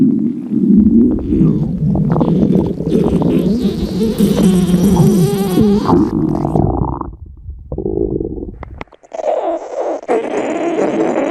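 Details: Red panda at feeding time: long, loud belly gurgling and rumbling shifting in pitch, then quieter bubbling; normal stomach growling (borborygmi).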